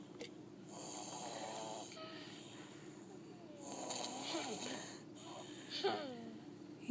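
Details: Sleeper "sawing logs": soft, hissing, whistling breaths rising and falling over a few seconds in a quiet room; light snoring.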